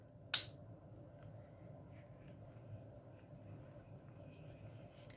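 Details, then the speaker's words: A single sharp click as the medication cassette's two hooks lock into the bottom of a new epidural/PCA infusion pump during setup, then quiet handling noise. "je vais la tâche et dans le fond après ma caisse après ma pompe juste en bas ici et vous allez entendre un clic"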